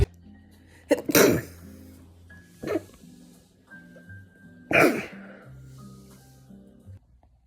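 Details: Woman who has sneezed her whole life, sneezes sometimes mistaken for laughing, coughing or an animal: three abrupt, explosive sneezes over quiet steady background tones; sneezing.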